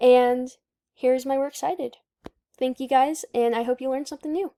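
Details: Adult woman speaking; normal speech.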